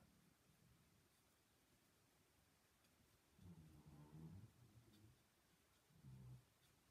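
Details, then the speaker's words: Quiet room hum with two low, rumbling breaths from an exhausted sleeping pet: ordinary snoring. "can you hear him snoring he's just exhausted"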